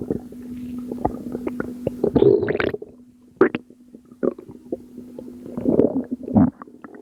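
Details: Postpartum woman's abdomen, with her stomach still not going down: irregular gurgles, squelches and low rumbling bursts over a faint steady hum; abdominal gurgling.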